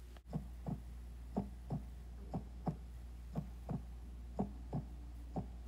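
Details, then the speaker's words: Steady lub-dub heart sounds at about 60 beats a minute over a low background hum, played to illustrate cardiac muscle; a normal heartbeat. "that's the sound of a heart beating, meaning that the third type of muscle is cardiac muscle."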